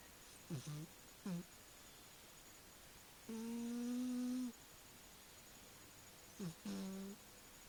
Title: My cat snoring